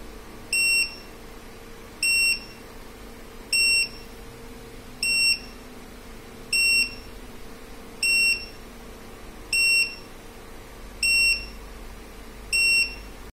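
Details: Fresenius Kabi Injectomat Agilia syringe pump running at a set flow rate of 80 mL: regular high-pitched alarm beeps, about 40 a minute, over quiet room noise.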